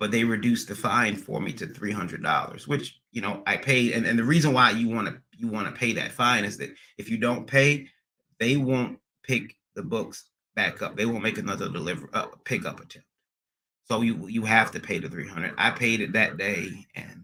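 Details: Acquired neurogenic stuttering in an adult male after a recent transient ischemic attack (MRI and another scan showed slight damage), under neurologist care with physical, occupational and speech therapy; speech not fully recovered, occasional stuttering persisting almost a year later.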